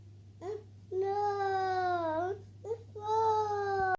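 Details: Infant with hiccups: two drawn-out, wailing cries, each opened by a short catching sound, over a steady low hum.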